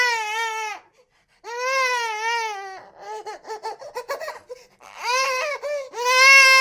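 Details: High-pitched rhythmic newborn wails with a short sobbing, catching stretch between cries; ordinary infant crying from a sound-effect collection.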